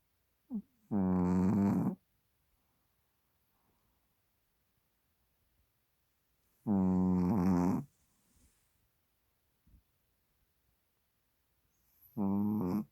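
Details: Snoring from a Chihuahua sleeping soundly on a microfiber blanket, nostrils flaring, tongue slightly out: slow, regular, buzzy snores every five to six seconds, about ten breaths a minute, in a quiet room.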